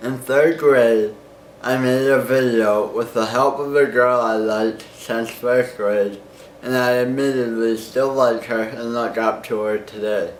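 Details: Nine-year-old boy with cerebral palsy causing muscle spasms, tightness and hand tremors; slower speech with slight impediment, not improved by tongue Botox or medications; dysarthria (cerebral palsy).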